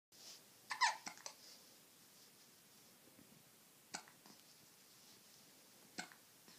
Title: Baby Hiccups x 2